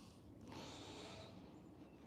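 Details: A single forceful, airy nasal snort lasting about a second from a big show-jumping mare ridden in dressage. It came during a chiropractic exam as her neck was checked in flexion, a movement she seemed not too happy with.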